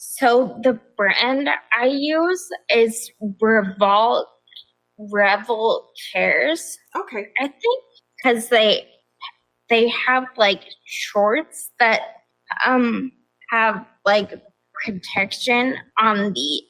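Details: Adult woman with progressive ataxia of still-undiagnosed type despite many genetic tests, onset at age 26, affecting balance, speech and causing nerve pain, primarily a wheelchair user, also severe anxiety and depression; ataxic dysarthria.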